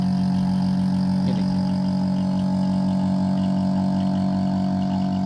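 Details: Loud, steady motor drone with a fast pulsing throb from an Oxymed portable suction machine (220 V, 90 W, 1-litre jar) running at full suction, gauge about −500 to −600; portable suction machine running.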